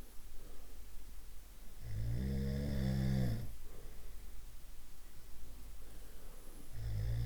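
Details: Snoring from a sound library of different snoring types: one long, deep, rumbling low-pitched snore, then another starting about five seconds later.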